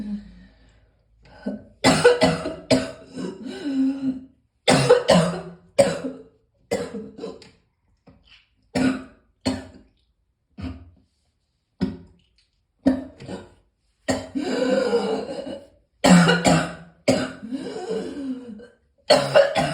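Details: Morning cough: repeated short coughs in clusters, about fifteen bursts over twenty seconds, with throat clearing in between.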